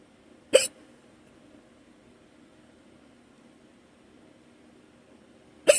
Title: Random morning hiccups - audio